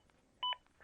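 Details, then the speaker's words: Single short two-tone beep from a ZOLL AED Plus during a demonstration rescue, the prompt tone guiding chest compressions (30 compressions, two breaths). "continue to follow the aed prompts if you don't start cpr right after being told to do so you will be prompted every 10 seconds until you do start"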